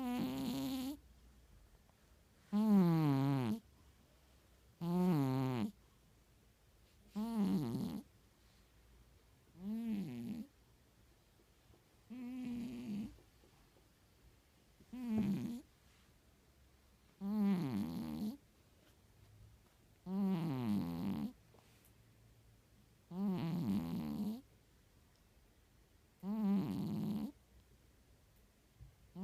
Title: いびきをかく猫 / Boo the Snoring Cat